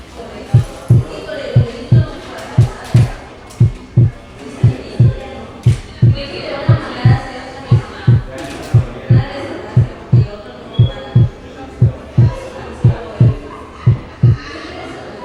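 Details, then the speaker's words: Wide splitting of S2 in right bundle branch block: delayed right ventricular activation delays the pulmonary second sound, so some splitting persists throughout the respiratory cycle. "En el bloqueo de la rama derecha, como consecuencia de un retardo en la activación del ventrículo derecho, el segundo ruido pulmonar se encuentra retrasado. Así que incluso durante la inspiración existe cierto desdoblamiento del segundo sonido debido a un retraso del segundo ruido pulmonar."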